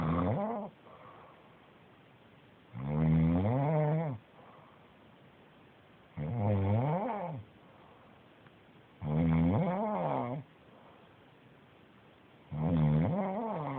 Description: Roncando, snoring, sleeping